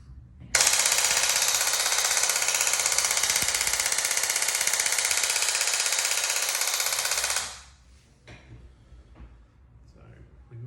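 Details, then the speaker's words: Radial shockwave therapy device demonstrated with ultrasound gel, probe moved around the treatment area: loud, rapid, regular clicking pulses, about four per second, for several seconds, then stopping. "this is going to be very loud if you want to if you want to turn your volumes down"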